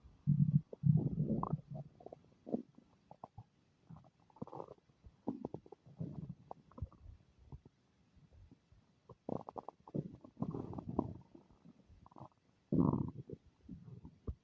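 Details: Low gurgling and rumbling abdominal sounds in irregular bursts, ordinary active bowel sounds (borborygmi) from the speaker's own stomach, which is making unfamiliar noises.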